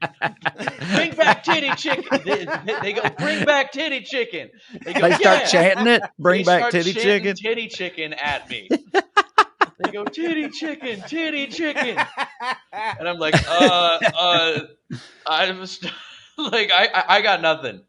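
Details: Adult male comedian who says he has a stutter; stuttering.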